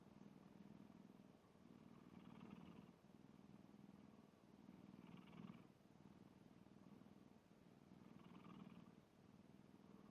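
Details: A black cat snoring.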